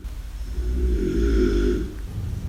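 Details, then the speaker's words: Loud snoring from a man later diagnosed with severe obstructive sleep apnea, recorded by family from a few rooms away through closed doors while he dozed in front of the television during the day. "She was a few rooms away, couple of doors were closed, and it really showed up a double symptom really of loud snoring and daytime sleeping."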